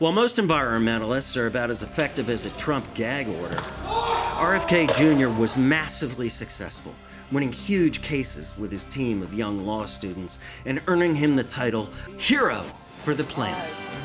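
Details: Adult male narrator; normal speech.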